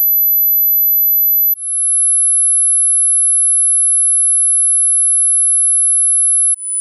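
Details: Hearing test: a very faint, steady high-pitched tone that steps slightly lower twice, a simulated audiometric tone sweep.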